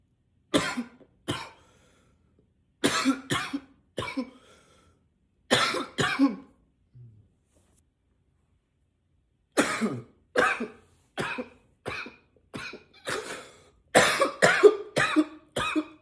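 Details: Persistent dry cough, described as nonstop: about eighteen short coughs in sixteen seconds, in clusters with brief pauses; cough.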